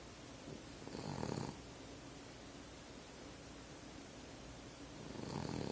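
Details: A sleeping cat snoring: two rough, rumbling breaths about four seconds apart over faint room hiss.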